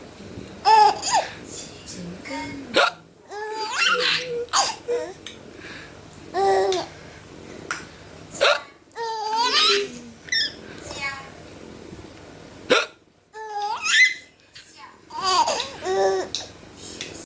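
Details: A father's sharp, abrupt hiccups mixed with his 5-month-old baby's repeated giggling and belly laughs; adult hiccups.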